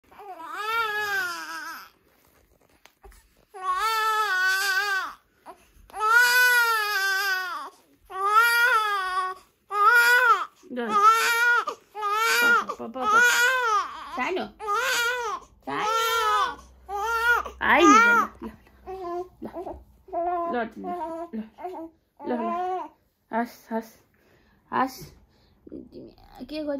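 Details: Infant cries while having clothes changed: loud, high-pitched rhythmic bursts, easing into shorter fussy whimpers toward the end.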